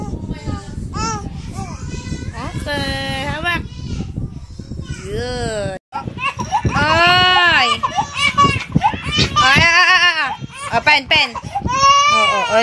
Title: Crying baby ( ate zenzen first edit )